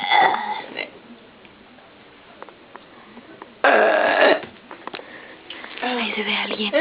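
Loud, rough, drawn-out belches in a quiet room, with some soft voices in the background.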